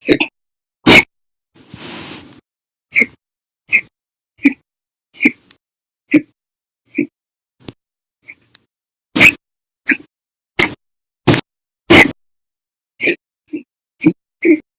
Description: The Violent, Bad Loud, Silent, Minute, Second Hiccups lasted 13 Hours and 34 Minutes on 10/1/19.